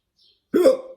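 A single abrupt voiced hiccup with a short tail, typical of a hiccup.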